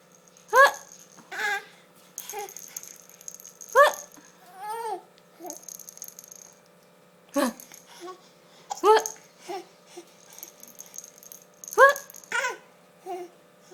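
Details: 4-month-old baby laughs and coos, broken by several sharp, abrupt catches of breath: hiccups during laughter.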